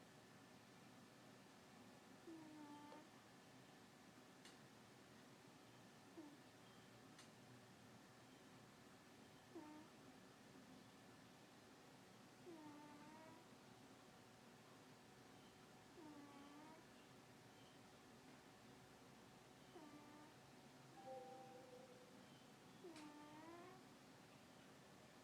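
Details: Female pet cat sleeping during the day, snoring: a soft, squeaky, whistle-like snore with one faint chirp on each breath in a quiet room.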